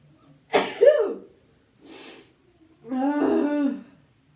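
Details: Sneeze deliberately induced with a twisted tissue, one of 3 sneezes in under a minute: a sharp explosive sneeze, a short breathy sound, then a drawn-out voiced exhale.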